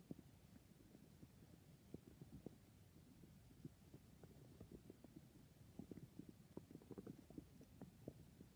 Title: My stomach is noises